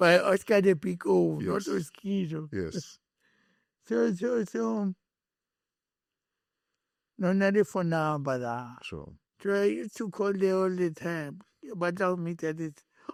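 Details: Adult male born with cerebral palsy, later with a head injury from a June 2000 car accident affecting speech, walking and left-ear hearing; dysarthria (cerebral palsy and traumatic brain injury).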